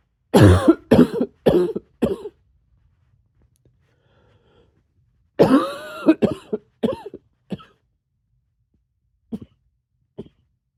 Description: Got a little barky at the end there :)